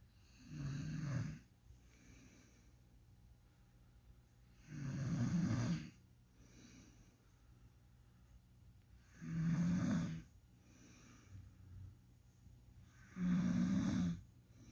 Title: when your girl says she doesn't snore. PROOF RIGHT HERE BABY